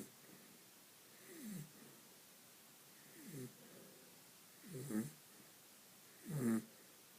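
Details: Sleeping pet dog snoring: four soft, rattling snores at an uneven pace, about 35 to 40 a minute, with quiet between them.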